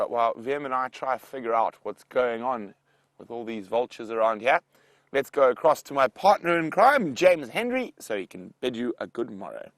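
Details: Adult male speaker; Normal voice.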